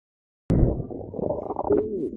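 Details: Stomach growling (borborygmi) in a person described as hungry: after a brief silence, a low rumbling gurgle rolls on and ends in a rising, squeaky pitched whine.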